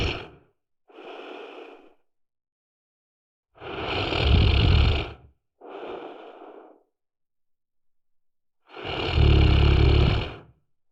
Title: Snoring for an hour | Helps you fall asleep | Let's listen